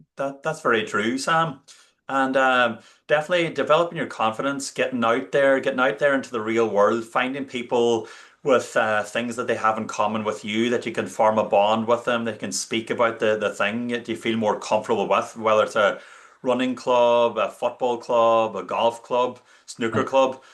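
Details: Adult male speaker; normal speech.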